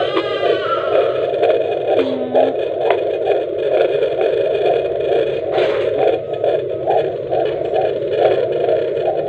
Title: Baby's heartbeat at 17.6 weeks.